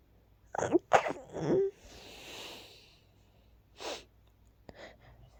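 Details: Sneezes from a tickle just before falling asleep, not rapid this time: two or three quick sharp sneezes in a quiet room, followed by soft breaths and sniffs.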